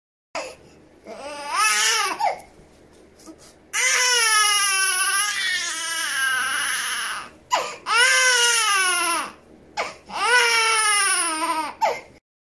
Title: Baby Crying Sound Effect | Human Sounds